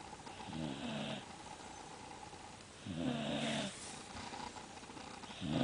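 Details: Dog Buddy napping after a busy Christmas morning: steady, rhythmic, rumbling snores with each breath, about 24 per minute, over low background hum.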